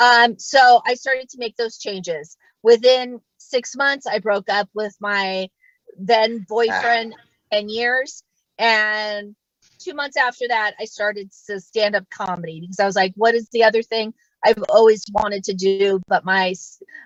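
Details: Adult female stand-up comedian who stutters, performing live; stuttering.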